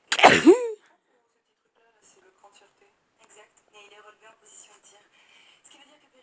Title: 12 sneezes record